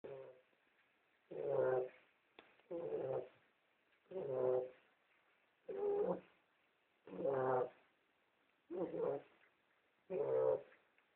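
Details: Beagle sleeping in the kitchen: steady, buzzy, slightly whistling snores, one about every one and a half seconds.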